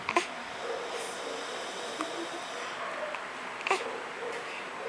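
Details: Infant hiccups: about three short, sharp hiccups over five seconds against steady room hiss.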